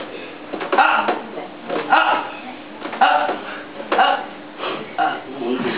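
A run of about five loud, throaty belches roughly a second apart, in a small room: repeated burping.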